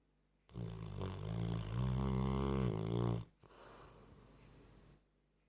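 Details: An old Staffordshire terrier snoring like a human: a loud, low, rumbling snore on the in-breath, then a softer airy out-breath.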